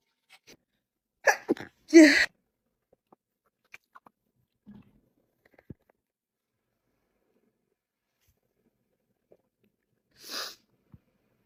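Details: Female sneezing: a quick intake followed by two explosive sneezes, then a softer third sneeze after a pause; ordinary sneezing.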